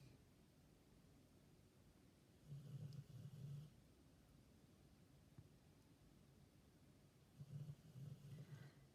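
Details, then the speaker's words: Pet dog (female) asleep at night in the background of a quiet room: two low, rumbling snores about five seconds apart, roughly twelve a minute; ordinary snoring. "if you can hear my dog snoring in the background I apologize on her behalf this is the time of night when she starts the snoring"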